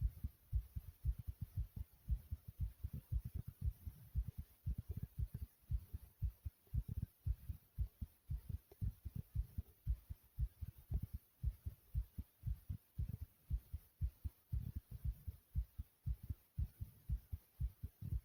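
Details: Brief recording of the person's own fast, pounding heartbeat: regular, deep thumping lub-dub beats with a faint steady hum beneath.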